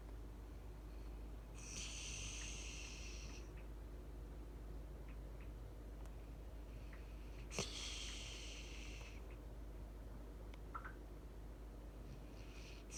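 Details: Light snoring from a Labany puppy asleep in a chair: two soft, hissing breath noises against steady room hum.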